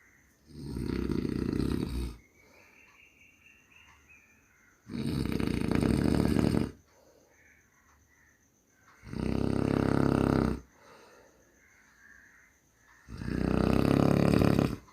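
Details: Loud, rough snores recur every few seconds, each a long rattling inward breath, with quiet exhalations between.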